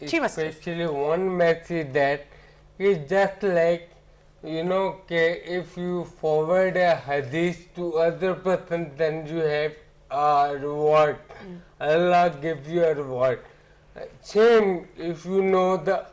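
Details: Ataxic dysarthria in an adult man with ataxia, symptoms beginning around 2007, about a year after marriage.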